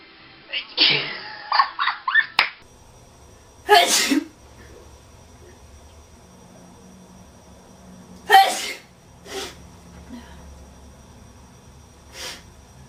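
A series of sharp, explosive sneezes with short gaps in a quiet room; repeated sneezing.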